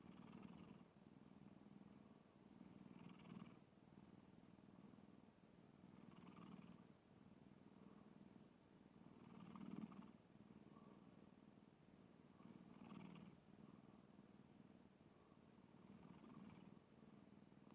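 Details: Sleeping black cat snoring: soft, steady rumbling breath sounds with periodic louder snorts.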